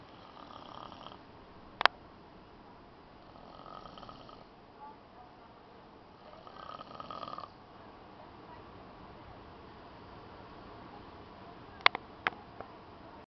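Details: Man snoring at the beach in El Salvador: soft, rhythmic, rough breathing every few seconds over steady outdoor background noise with occasional clicks; light snoring.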